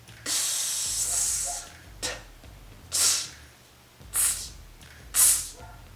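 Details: Normal /s/ shaped from /t/ in a speech therapy demonstration: /t/ held with tongue tip up and airflow continued until it becomes /s/.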